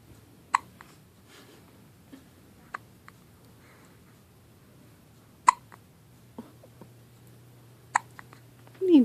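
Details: One-day-old newborn hiccuping: three sharp, brief hiccups spaced a few seconds apart in a quiet room with faint background voices; newborn hiccups.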